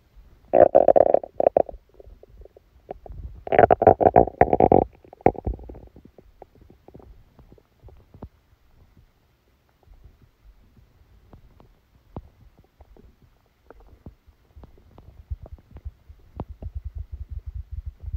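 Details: Stomachache after Christmas dinner, recorded while the person slept: loud gurgling rumbles early, then softer irregular bubbling and clicking; active bowel sounds, stomach rumbling.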